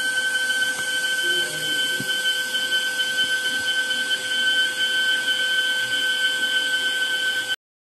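Continuous high-pitched whining spindle tone with faint scraping and cutting noise beneath, ending abruptly: a dental milling machine cutting a restoration.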